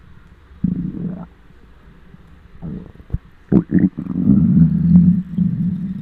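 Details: Loud gurgling, prolonged growling, bubbly bursts and a sustained low rumble, recorded with a microphone on a very hungry adult's belly: borborygmi, typical hunger bowel sounds.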